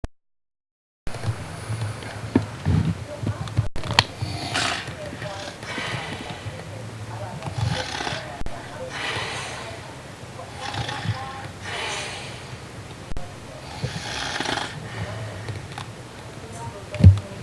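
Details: An adult man, a dad who denies snoring, asleep: repeated rough, rumbling breaths lasting a second or two each over room noise; loud snoring.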